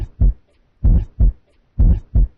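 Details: Rumbling heart murmur.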